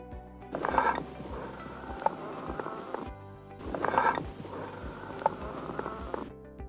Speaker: they are low pitched with a high tone and a metallic quality they are heard in the presence of large superficial smooth walled cavity bronchopleural fistula and tension pneumothorax